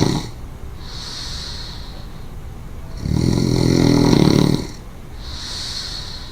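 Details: Snoring: a loud, rough inhaled snore with a fluttering rattle, followed by a quieter whistling breath out.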